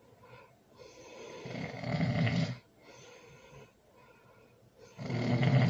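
Two loud rattling snores on the in-breath, with a quieter breath between them, typical snoring.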